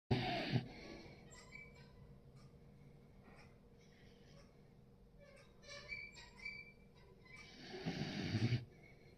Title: snoring 😴😄😄 #viral #comedy #trending #yt #short